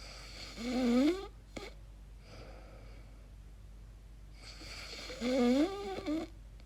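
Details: Person's own recording while asleep, unsure if it is snoring or sleep apnea: two whistling, squeaky inspiratory noises several seconds apart with quiet breathing between; unusual high-pitched snoring.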